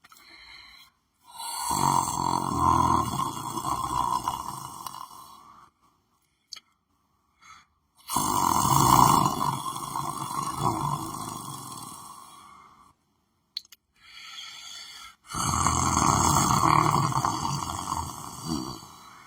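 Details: Person lying on the floor of his room, sleeping: three long, loud, droning snores, each several seconds, with short pauses between; heavy rhythmic snoring.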